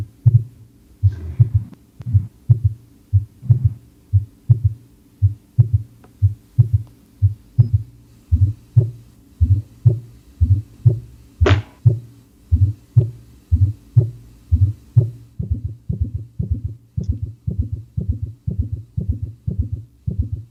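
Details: Cardiac auscultation teaching demonstration in a heart failure lesson: regular low heart thumps at about 60 a minute, S1 and S2, presented alongside pathological extra sounds S3 and S4.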